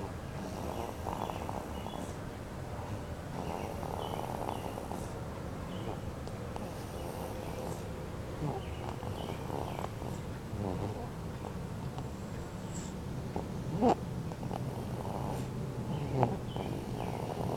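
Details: Soft, steady rumbling breaths with a purring quality repeating through the clip; light snoring from a sleeping pet.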